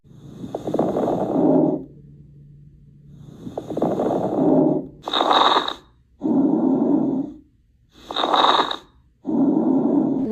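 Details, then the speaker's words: Crackles over breath sounds through a stethoscope: brief, intermittent, scattered popping at about 20 breaths a minute, from inhaled air meeting deflated alveoli or secretions; fine like fingers through hair, coarse like opening velcro. "There are two types of crackles, fine and coarse. These are intermittent and brief sounds. Fine sounds like when you move your fingers through your hair, and coarse is like opening velcro."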